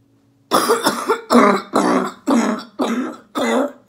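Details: A female orthopedic surgeon recovering at home from COVID-19, voice nearly lost from coughing, performs a "phlegm gym" airway clearance exercise to cough up phlegm; repetitive coughing.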